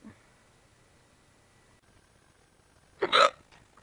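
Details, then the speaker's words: Person with bad hiccups lasting minutes, recorded with voice effects added: after near silence, one sharp, abrupt voiced gulp with a faint click at the start, a hiccup. "yeah I'm a guy now I have hiccups yep oh man these are really bad"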